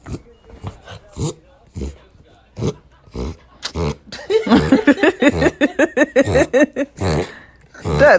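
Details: Cavachon dog (Cavalier King Charles spaniel × bichon frise) that has reverse sneezed since puppyhood: a run of rapid, honking snorts as air is pulled sharply in, reverse sneezing.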